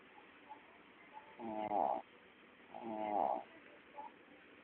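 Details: Dog snoring in sleep: two slow, rattling, buzzing inhalations a couple of seconds apart.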